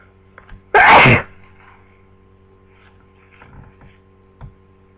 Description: I've had the flu for 2 days and it's only now I've gotten sneezy so enjoy